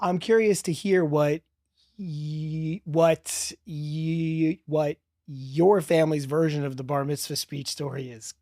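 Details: Adult man speaking; stuttering.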